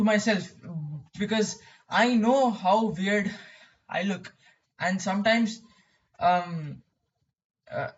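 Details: Stuttering in a male speaker who describes his own stammering.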